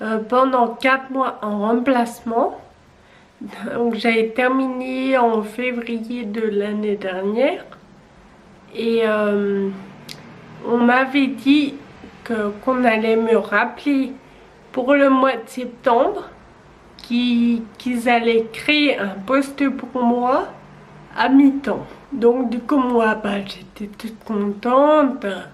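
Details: 27-year-old woman with Friedreich's ataxia, a genetic neurodegenerative disease beginning at age 10, wheelchair user since 18, with uncoordinated movements; French speech; ataxic dysarthria.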